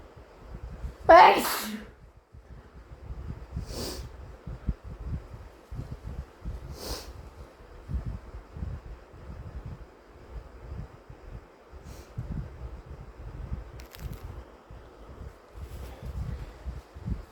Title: Wet induced sneezes plus wet nose blowing